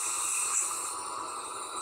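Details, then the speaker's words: Oxygen tank turned up to full flow, screwed directly onto the small end of adult CPAP tubing during assembly before applying to a patient: steady, even hiss of gas flowing through the tubing. "And when you screw it on like that, it flows straight from the tank into the tubing. So you have that applied to oxygen."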